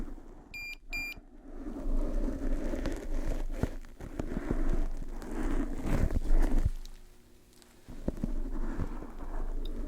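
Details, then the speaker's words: Two short high beeps from an ear-scanning device, then soft handling and rustling, during a simulated otolaryngology roleplay scanning the ears through protective mesh covers for an implant. "That should be all of the beeps I should need to make. It's gonna beep again, just warning you."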